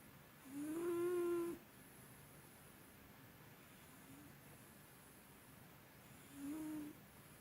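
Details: Soft, whistling, nasal snores from a sleeping cat, two clear ones about five seconds apart in a quiet room; the cat has snored for a long time, louder than usual today, sounding human-like. Snoring.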